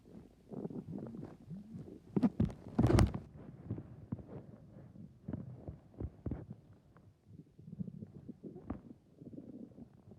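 Low gurgles, squeaky rumbles and faint bubbling, ordinary stomach growling, with a few louder thumps.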